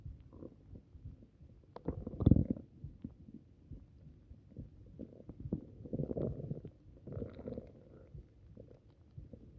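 Irregular low gurgles and rumbles from the belly, bowel sounds of an upset stomach.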